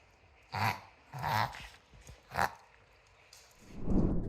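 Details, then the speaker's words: Small dog with reverse sneezing: three sharp snorting inhalations in quick succession. "Fred also suffers from reverse sneezing now if you don't know what that means essentially reverse sneezing is exactly what it sounds like the opposite of a sneeze"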